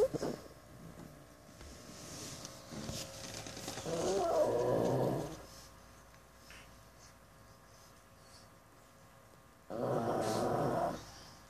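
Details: Pug deeply asleep, snoring: two rough, rattling, humanlike breath sounds several seconds apart over quiet room noise.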